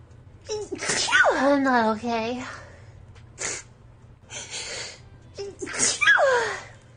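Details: A VTuber who says they have allergies sneezes several times: sharp sneezes, each with a quick gasp before it, with "excuse me," "my nose" and faint music between them.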